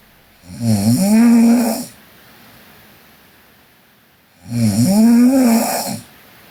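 Two long, low, vibrating snores on the in-breath, about 15 breaths a minute, with quiet pauses between.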